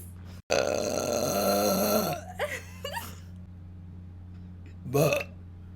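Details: Young woman burping deliberately: a long, drawn-out voiced belch followed by shorter burps, over a steady room hum.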